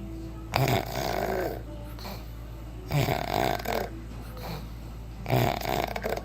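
Rough, rattling snores with each breath, about three in six seconds, over a steady low hum and faint background music.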